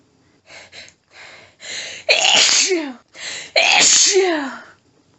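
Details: Woman with a tickly nose all day, sneezing in doubles or sets of four: quick gasping breaths build up to two forceful, loud sneezes in a row, an intense sneezing fit she tried but failed to stifle.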